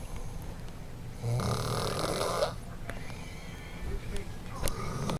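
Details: Person snoring, filmed by a friend: a single long, rough, rattling breath over low room noise, with soft clicks afterward; snoring.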